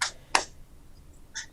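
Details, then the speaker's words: Sharp, snapping clicks, three within about 1.5 seconds, from spark discharges of a spark plug inside the water-filled applicator of a Softwave shockwave therapy device, demonstrated live for treating foot pain. "of course this is live so we're not gonna yeah we can hear that we can hear it sort of clicking and sparking we see the Sparks too the Sparks happening so that's sending an electrical signal through the water"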